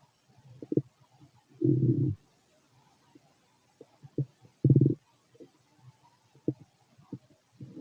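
Irregular low gurgles and rumbles, some longer bursts, from the belly during digestion; ordinary bowel sounds.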